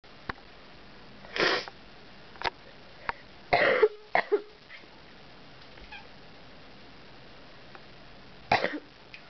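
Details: Sick adult: several separate harsh cough bursts spaced through a quiet room with a few small clicks.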